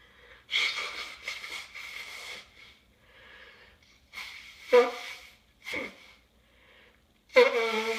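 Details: Several forceful, explosive sneezes with breathy sniffing between them; allergies suspected.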